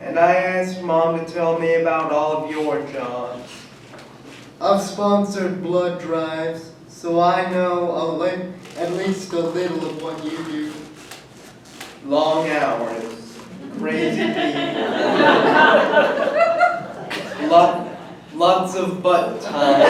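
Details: Adult man who states he has cerebral palsy; dysarthric speech in cerebral palsy.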